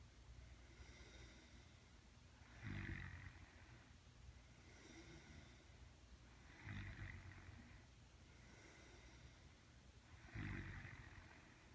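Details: Girlfriend snoring in the dark during sleep: low, rattling snores on each breath in, about 16 breaths a minute, over a steady background hiss.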